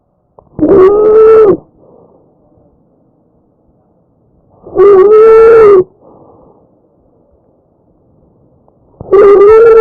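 Loud, high-pitched, musical crowing sounds occur with each breath in, about 14 breaths a minute, followed by softer, quieter breaths out. This is tracheal stridor, a harsh noise from turbulent airflow through a narrowed upper airway or windpipe.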